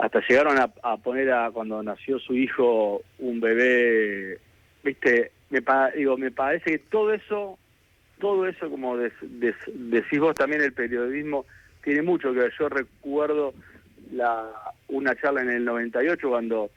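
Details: Adult man with stuttering since childhood that persists, improved over the past two years, and for which he consults professionals, speaking in a live Spanish radio interview; stuttering.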